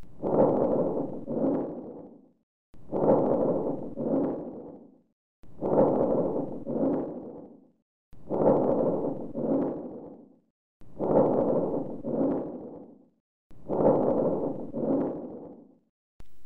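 Six loud, rough breath cycles at about 22 a minute; harsh vesicular breathing, exaggerated normal-type breath sounds.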